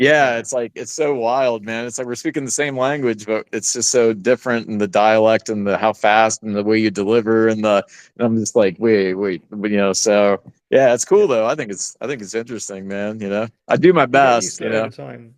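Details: Adult man speaking; Normal conversational speech.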